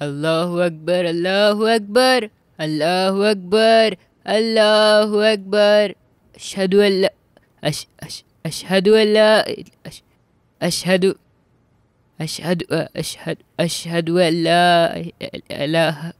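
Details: Stuttering portrayed by a boy character in a dramatized film about the first call to prayer, attempting the call to prayer: stuttering.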